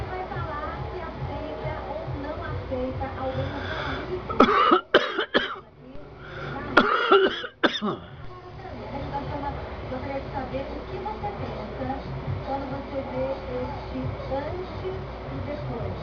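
A short run of several harsh coughs in two bursts over background talk and music, then continuing chatter.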